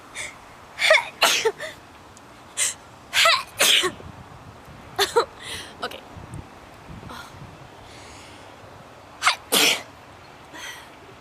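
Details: Sharp, explosive sneezes in quick clusters, about eleven bursts with short gaps between them; repeated sneezing.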